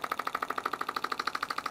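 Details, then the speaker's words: Shockwave therapy wand during pelvic health treatment: rapid, evenly spaced mechanical tapping pulses, about twelve per second. "so we usually give it a good pass or so and check in with the client before we increase the intensity at all"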